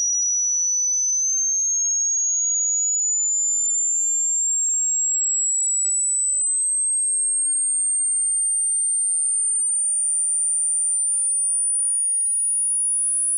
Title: Hearing test